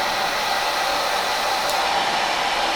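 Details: Mechanical insufflation-exsufflation with a Clearway cough assist machine via tracheostomy, in a patient recovering from a chest infection after complications of deep brain stimulation surgery: steady, loud rushing airflow of the positive-pressure insufflation phase.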